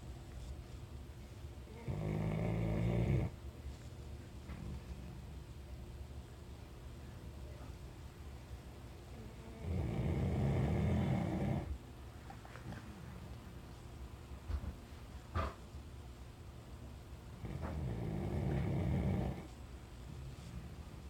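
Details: Labrador retriever snoring very loudly while asleep: three long, rough snores about eight seconds apart, roughly 8 breaths a minute, with quiet pauses between.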